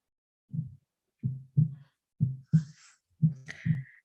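Steady paired low thumps of a heartbeat at about 60 beats a minute.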